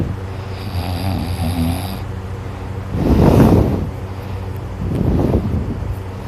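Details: Loud, low, rattling snores on two breaths in, with quieter breathing between and a steady background hum, during night sleep while drooling.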